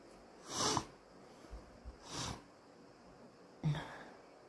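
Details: Very snotty morning: three short induced sneezes with sniffing between them in a quiet room.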